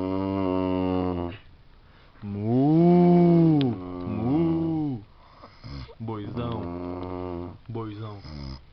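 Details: Loud, deep, droning snores from a man, with a strong vibrating tone that rises and falls like a low moo, between quieter breaths; snoring.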